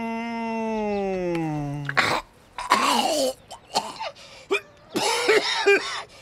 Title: Harold coughing - I WAS A TEENAGE WERESKUNK clip